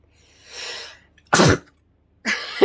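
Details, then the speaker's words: Soft hissing breath, then a short, partly held-in sneeze burst and another breathy burst, an adult woman's deliberately stifled sneeze provoked by sniffing pepper; stifled sneeze. "i just end up spitting all over myself if i try and stuff i hate the feeling of stifling though i like just letting it out"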